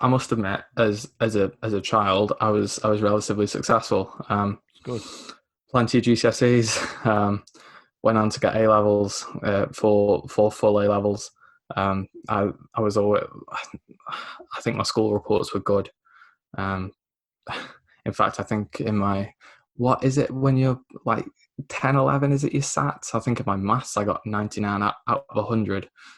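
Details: Lifelong developmental stammer (dysphemia), mainly blocks rather than repetitions, in a 24-year-old man, a self-described recovering stammerer now largely controlled after childhood NHS speech therapy and the McGuire programme at 15.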